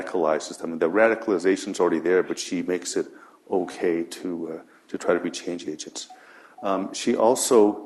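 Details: Adult man speaking; Normal voice.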